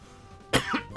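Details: Cough from an adult who reports gasping for breath and being on medication after little exertion, with no obvious pollen trigger.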